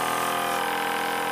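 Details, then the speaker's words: Precision EasyGo Vac PM65 portable suction aspirator running on AC power with the tubing occluded while the top knob is turned to set suction: a steady, loud mechanical hum and whine. "please dial in the setting that you wish to vacuum by turning the knob on the top clockwise to increase suction and counter clockwise to decrease suction"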